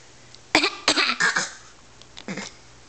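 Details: Young child imitating a pretend cough: four short voluntary coughs copying someone, not an illness cough.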